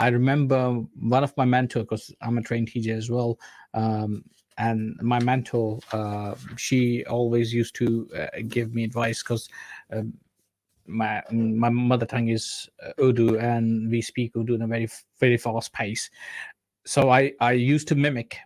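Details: Adult male speaker; normal speech.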